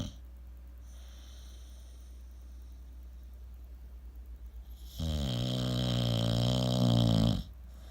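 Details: Snoopy asleep: quiet fluttering breaths build into one loud, droning, buzzy snore lasting over two seconds; snoring.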